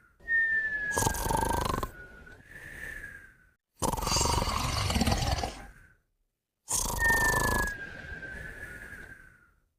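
Three long noisy snoring breaths, each with a high whistling tone on the in-breath, separated by short pauses: snoring with nasal whistling.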